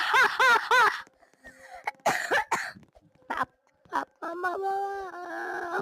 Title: Maaf aku batuk batuk